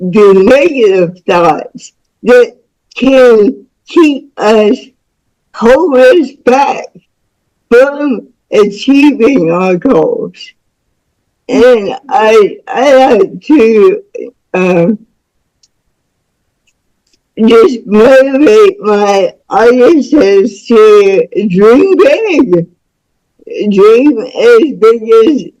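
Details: Woman about to turn 49 with spastic cerebral palsy since birth, which she attributes to being born with the umbilical cord around her neck five times; real, unacted speech; dysarthric speech in cerebral palsy.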